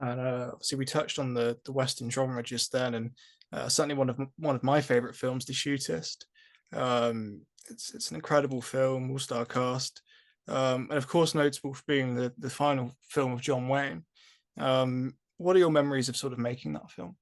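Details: Adult male speaker; normal voice.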